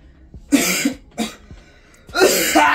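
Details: Fake cough acted for a prank on a sister, pretending to cough blood: three harsh, forceful coughs with a throaty rasp and faint music behind.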